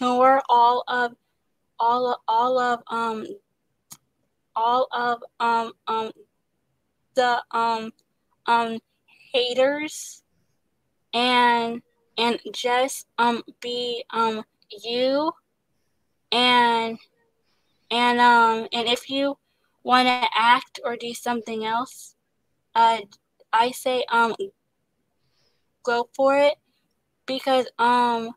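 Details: Young woman who stutters, an actress and singer; repetitions and blocks audible; stuttering.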